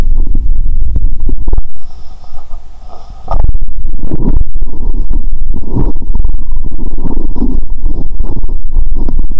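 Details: Borborygmi recorded with a stethoscope over the upper abdomen near the heart in a hungry woman around midday; loud, deep, nearly continuous gurgling and rumbling with a short quieter gap, from gas and fluid moving through the gut.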